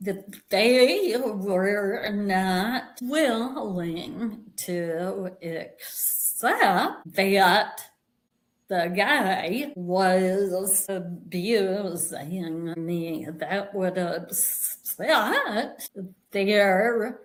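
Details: Vocal tremor in an adult woman, real, which she and the description attribute to over five decades of narcissistic abuse and trauma, beginning at age five, affecting her body and nervous system.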